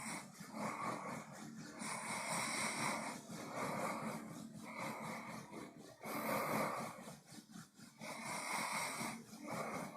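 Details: Closed-mouth snoring during sleep in an adult man: repeated noisy nasal snorting breaths roughly every one to two seconds.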